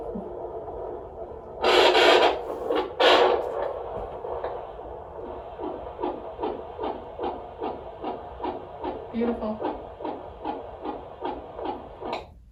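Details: Fetal heartbeat at 38 or 39 weeks of pregnancy on a Doppler monitor during a non-stress test: loud probe scraping, then a rapid, steady whooshing pulse from about five seconds onward.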